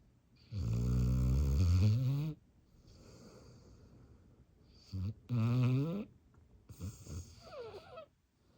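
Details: Dog in deep sleep snoring loudly: deep, rattling snores on each in-breath, two long and a softer third.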